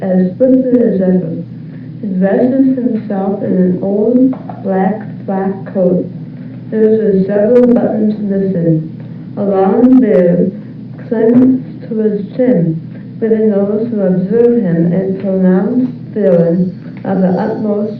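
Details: Flaccid dysarthria, reading the Grandfather Passage; hypernasality and imprecise articulation audible, voice not weak or breathy; flaccid dysarthria.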